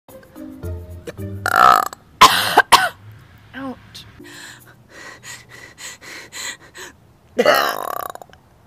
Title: Burps Part 1